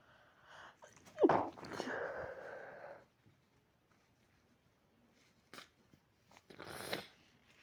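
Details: Two sneezes in a quiet room: a sharp explosive burst with a trailing breathy release, then a softer second burst a few seconds later.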